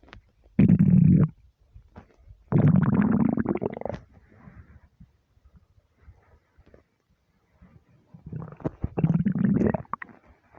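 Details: Three deep, drawn-out gurgling empty-stomach rumbles with quiet gaps between them; ordinary borborygmi.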